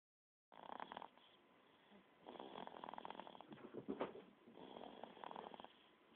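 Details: Sleeping 3-month-old infant snores softly, with rough, snuffly noise on each of about three breaths.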